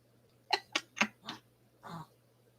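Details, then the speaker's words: A dog (Fritz) was snoring, then gives four quick, sharp snorting bursts and a softer huffing exhale, a cough-sneeze fit: sneezing/snorting bursts. "At first, he was snoring, then he was doing that cough sneeze thing, which I hate."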